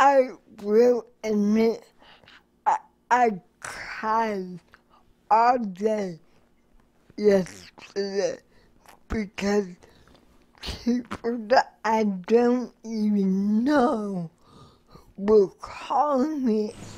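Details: Adult woman living with cerebral palsy, a recent cancer survivor, speaking in a news interview; dysarthric speech in cerebral palsy.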